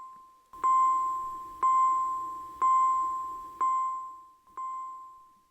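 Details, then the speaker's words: High priority alarm tone of a VS3 vital signs monitor (e.g., NBP over pressure, SpO2 desaturation, extreme low battery; red message): repeating bright electronic chime, about one strike per second, each ringing and fading. "High priority alarms include NBP over pressure, SPO2 desaturation, and extreme low battery. In a high priority alarm, the message appears in red and sounds like this."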